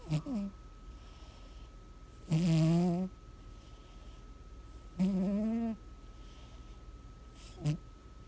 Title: Snoring Cat Monu🐱Caught Him Snoring Last Night🐱😊